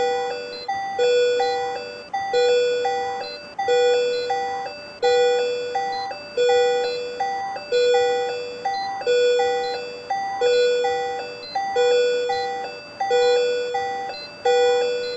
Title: CO2 Capnography monitoring